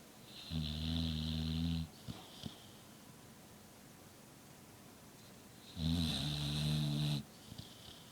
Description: My American Bulldog, Layla, saws logs worse than me.